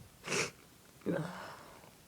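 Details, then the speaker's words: An adult with a bad cold for about three days, with a runny nose, sore throat and fever: two wet, forceful, strong sneezes with quiet breathing between them. "Ugh, I've got a cold. Sneeze. They're really strong. And my nose is running really bad."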